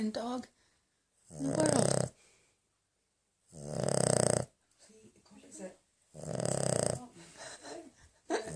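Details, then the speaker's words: Dog snoring in a small room: three loud, rattling breaths with quiet pauses between, described as its lightest snoring; owner remarks it is not normal. "This is the lightest snoring"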